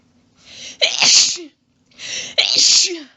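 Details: Two forceful sneezes a second apart, each with a breathy in-breath, from a female in a long, rapid sneezing fit of quadruples, with some coughing from lost breath and a nose blow.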